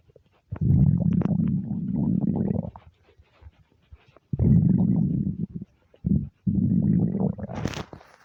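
Loud, long, low gurgling rumbles in several bursts; hunger rumbling of an empty stomach, a normal finding.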